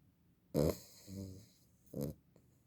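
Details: Sleeping female beagle puppy snoring: a few short, snorting breaths with a softer rattling breath between them in a quiet room.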